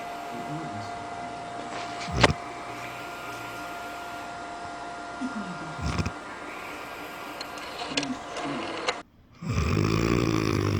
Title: When your snoring sounds like a rotary phone 😂😂😂